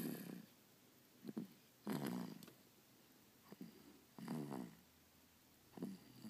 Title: snoring